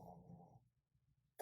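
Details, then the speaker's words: A dog snoring in the background, which the owner says is unusual for him; snoring. "Sorry, if you can hear that, that's my dog snoring. I don't know why he's snoring like that."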